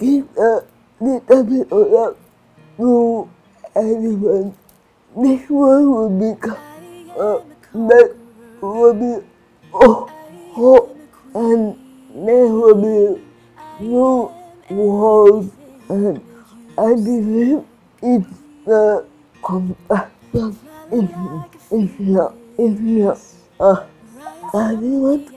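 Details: Adult woman with cerebral palsy and restricted movements; slurred speech; dysarthria.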